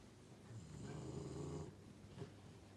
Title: Moos snoring in his bench 😴